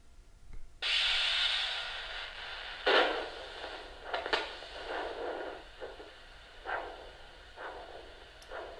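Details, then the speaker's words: Doppler probe over the right jaw joint (TMJ) picks up the superficial temporal artery: a steady hiss with rhythmic whooshing arterial pulses, a normal arterial flow signal, recorded during a TMJ exam while the patient opens and closes the jaw. "that pulsy noise is the superior temporal artery that you're hearing okay open and close pry quickly"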